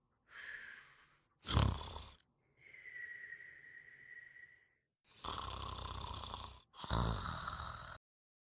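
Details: French Bulldog sleeping: loud snorting snores on both in- and out-breaths, with a whistling tone on one breath, typical of a flat-faced dog's noisy airway; snoring.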